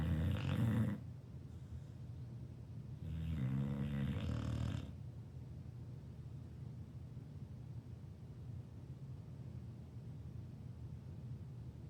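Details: Loud, chainsaw-like snoring in a sleeping 2-year-old female dog: two deep, rough, rattling snores, then steady low breathing noise.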